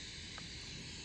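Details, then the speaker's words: Soft, continuous airy hiss of suction through the tubing as the catheter line is cleared after nasopharyngeal suctioning in a student nurse demonstration; suction catheter clearing the line. "all right so we go in and we're suctioning coming out all right so as we clear that out we clear the line"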